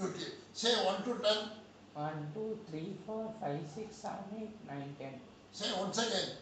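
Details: Adult male with puberphonia (mutational falsetto), a high-pitched voice for 2 years that was confirmed on pitch analysis, counting 1 to 10 before treatment; planned treatment is 3 days in hospital, then 21 days of practice.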